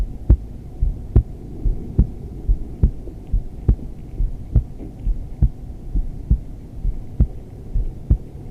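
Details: Adult female's resting heartbeat recorded during restorative yoga, in wide-legged modified child's pose: clear, regular low thumps at about 70 a minute with faint body and rustling noise; normal heartbeat.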